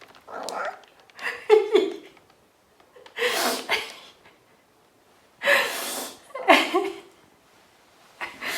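Short bursts of sharp nasal snorts and sneezes in clusters with quiet gaps between; a cat's repeated sneezing.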